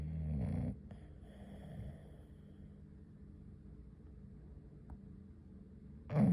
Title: Biggs Snoring #englishbulldog